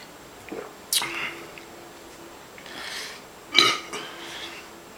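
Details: Burps during a 40 oz drinking challenge: two loud, rough burps with softer breathy sounds between them, in a small room; burping.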